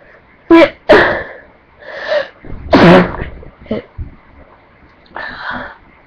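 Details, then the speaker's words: Repeated sneezing: several loud, sharp sneezes in a row with short breaths between and a quiet voice, from a person who has been sneezing constantly today with an itchy, tickly nose. "I don't know why, it's just I keep sneezing like crazy today."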